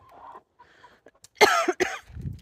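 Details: A person coughs twice, sharply and loudly, for no known reason while walking over to pet their horse. An ordinary dry-sounding cough.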